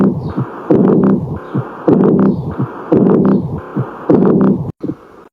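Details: Regular heartbeat near 52 a minute with a prolonged rushing, humming sound filling each cycle, heard on auscultation; heart murmur.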